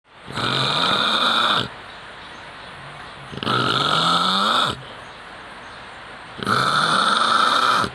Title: kharate master (snoring sound).